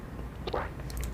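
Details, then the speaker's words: Effortful swallow during a swallowing-rehabilitation strengthening exercise, tongue tip pressed against the alveolar ridge (alternative to the Masako technique): a single loud, wet, forceful gulp with a brief click-and-squish burst. "이게 아마 마이크를 안 잡힐 것 같은데 선생님 삼키는 굉장히 크게 들리는데 이게 강화하는거다 보니까"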